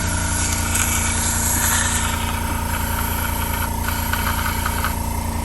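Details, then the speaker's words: Loud steady motor hum with rapid pulsing and faint airflow hiss from a suction machine pulling up secretions via an inline suction catheter in a boy, between cough assist cycles. "So I will continuously hold this down, and you can kind of hear it maybe, but you can see we're pulling up secretions."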